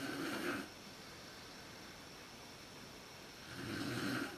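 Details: Mother's snoring at sleep onset, when it is worst, recorded in a dark room with a Canon PowerShot SX130 IS: two rough snores about three seconds apart with a quiet pause.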